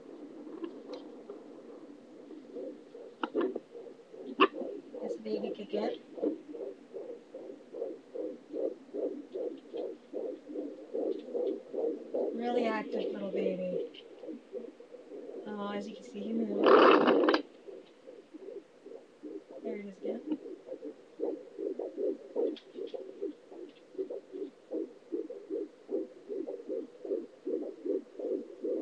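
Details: Home ultrasonic fetal Doppler: rapid, even whooshing fetal heartbeat near 150 a minute, with a few louder scraping bursts from fetal movement and kicking.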